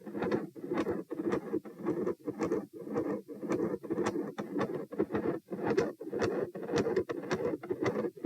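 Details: Soft, continuous machinery murmur through both heart sounds at about 110 a minute, recorded at position P, with some electrical disturbance clicks: continuous (machinery) murmur.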